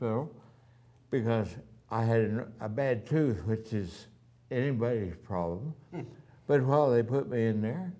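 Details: Adult man with ataxia, voice somewhat affected since the previous year, has had voice therapy, now wheelchair-bound with neuropathy in his hands; ataxic dysarthria.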